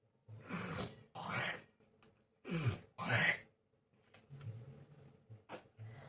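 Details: Adult with a cough lasting many days, a burning feeling in the back, and on medicine, which they blame on hot-cold weather changes: a few strained, harsh coughs with gasping breaths between, a bad ongoing cough.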